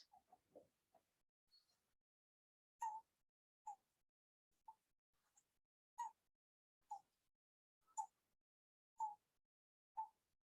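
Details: Faint, brief, high-pitched cry sounds about once a second with silence between, from a newborn in a neonatal-complications teaching clip. A weak, abnormal newborn cry, a sign of illness.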